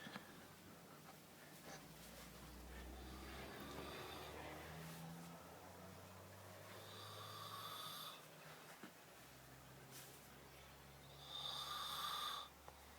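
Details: Son snoring extremely loudly: slow, noisy breaths with rough snoring sounds and a few snorts, about one breath every four to five seconds.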